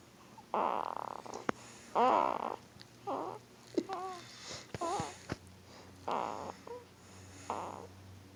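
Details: Two-week-old newborn boy hard asleep making short squeaky grunts and snorty snoring noises in irregular bursts; newborn sleep grunting and snoring.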